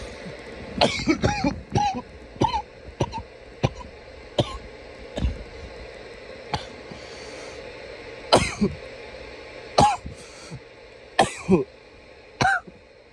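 About fifteen sharp, loud single coughs, some in pairs, over a steady room hum.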